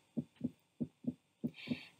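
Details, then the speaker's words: Normal pediatric auscultation: fast regular paired beats about 150 a minute, first sound from atrioventricular valve closure and second from semilunar valve closure, clearly separate with nothing between; normal heart sounds. "recordemos que el primer ruido esencial de las válvulas auriculoventricular es y el segundo ruido del cierre de las válvulas sin movidas aquí tenemos una ocultación normal"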